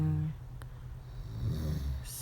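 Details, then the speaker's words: Man snoring all night while asleep holding his partner, dead to the world: low, rumbling snoring breaths with a snort-like noise at the start, in a quiet room; snoring. "so this is what I have to live with do you hear it he does this all night long snoring"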